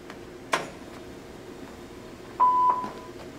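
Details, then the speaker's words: Click, then a short steady electronic beep in a quiet room: start-up tone of a Covidien PB 980 mechanical ventilator beginning its startup sequence after a pre-use check. "so let's simply just turn it on get her going so there we go it's gonna go to its startup sequence"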